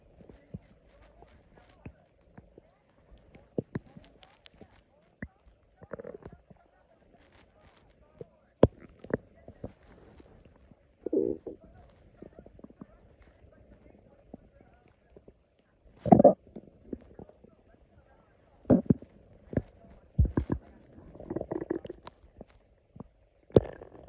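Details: Loud stomach growling after drinking coffee on an empty stomach: gurgling rumbles and sharp clicks in irregular bursts; borborygmi (bowel sounds).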